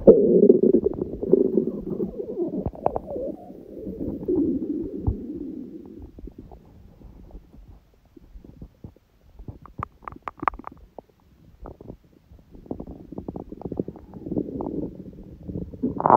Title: くしゃみ入り本日の空腹音🤧/Today’s hungry sounds (with sneezing🙇‍♀️)